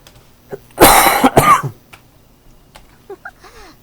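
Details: A gamer gives a short, harsh dry cough of two quick bursts with no rattle while playing a video game, then faint game background sounds follow.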